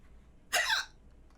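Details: Adult female streamer's hiccup during a live stream: a single short, sharp voiced catch of breath against quiet room noise.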